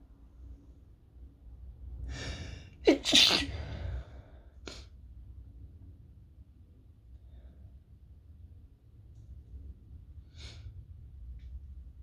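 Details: Sneezes triggered by toasting chili peppers, with sore throat and illness; a sharp inhaled gasp, a loud sneeze, then two smaller partly stifled sneezes in a quiet room.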